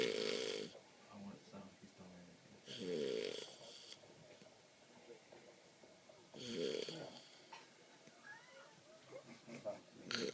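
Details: Man snoring with loud rattling snores roughly every three and a half seconds, about 17 a minute, with quiet breathing between; he is described as just stopping breathing; snoring.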